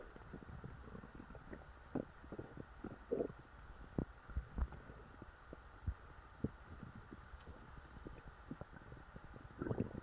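Low, soft, irregular gurgles and rumbles over a quiet hum: stomach growling from a full stomach.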